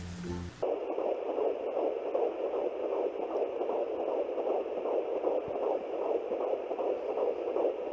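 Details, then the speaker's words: Fetal heartbeat at 14 weeks of pregnancy on an at-home Doppler: rapid, regular whooshing pulses at about 150 beats a minute. "they found his heartbeat and so I will go ahead and I'll just insert a clip of that at the end of this video so you guys can hear it because it's like the best sound in the world"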